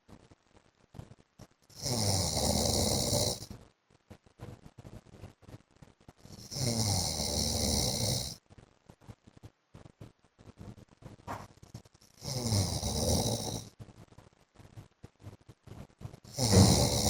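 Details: Adult man (husband) asleep: four loud, harsh rasping snores about every five seconds with quiet gaps between; heavy snoring.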